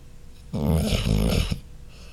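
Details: A pet dog snoring: a single long, loud, low, vibrating snore on one breath, with quiet breathing before and after; dog snoring.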